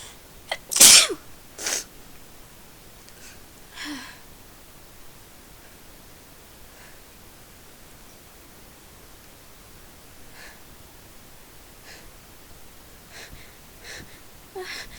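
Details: A loud sneeze then a couple of smaller sneezes and faint sniffs in a quiet room, part of a run of about thirty consecutive sneezes.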